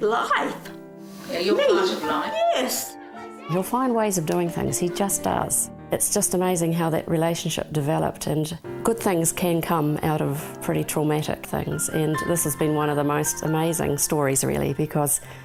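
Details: Adult speaker; typical speech.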